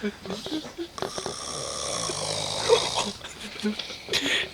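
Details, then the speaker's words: Loud, rattling, irregular snoring with clicking and fluttering sounds over breathing in a quiet room, from a deeply sleeping man who cannot be woken and is said to keep the Marines awake all night; snoring. "he keeps the Marines awake all night with his listen to that bear in hibernation it's like a water buffalo spawning it's like an Elephant Man it's like two donkeys making love"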